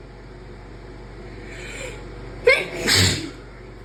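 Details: Quiet build-up, then a sharp burst and a second explosive sneeze over steady room hum; deliberately induced sneezes.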